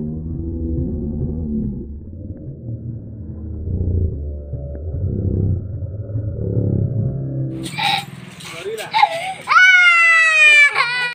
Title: Crying Baby